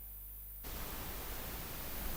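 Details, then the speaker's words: Simulated noise-type tinnitus: after a brief silence, a steady, even hiss fills the rest of the clip. "ahora yo quiero por un segundo se imaginen tener ese sonido las 24 horas del día en la cabeza"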